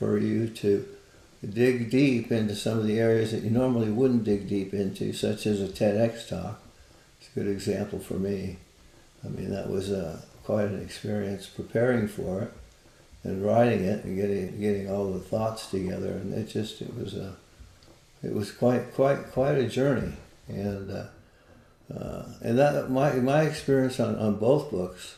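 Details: Man with Parkinson's disease for more than 20 years, with visible shakes and reported moments of 'a stupor of thought'; frequent word and phrase repetitions; Parkinson's disease speech with word and phrase repetitions.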